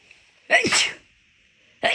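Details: Rapid, big, loud forceful sneezes, one quickly following another, easier to induce when the nose already felt off midway through a walk; sneezing.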